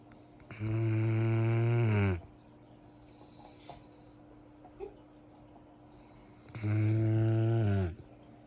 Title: Snoring so loud like he works 12hr shift 😂😂😭 #dogbreed #dogs #shortvideo #funny #yt #fun #pets